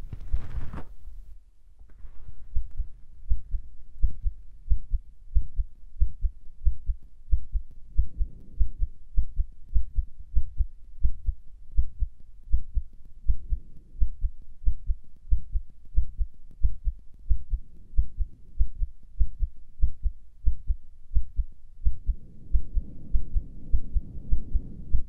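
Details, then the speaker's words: Self-recorded carotid pulse at the neck: steady, regular low thumps at about 92 beats a minute, mildly fast; the person says it is faster than before recording, cause unknown. "sorry if my heartbeat is fast, because I don't know why it's beating fast. Before I recorded, I, like, you know, tried a little bit, and it wasn't as fast, but now it is fast."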